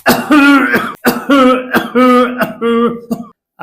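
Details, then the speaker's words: Several harsh voiced cough bursts separated by pauses, demonstrated as the typical cough of COPD (chronic bronchitis or emphysema), where small airways collapse. "इसमें जो small Airways होते है ना वो कोलप हो जाते हैं इसके जो टिपिकल साउंड होते हैं बीच में पज जैसे होते हैं"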